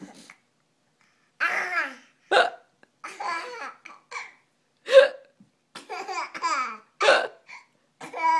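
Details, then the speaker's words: An adult woman (mother) with hiccups, her hiccups making her child laugh. "hicups I can't help it I have the hicups"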